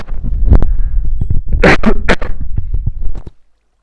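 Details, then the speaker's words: Short run of muffled, distorted coughs from an adult, dulled by a finger pressed over the microphone. "uh I need to cough and I can't mute my microphone so if you can hear this I'm really"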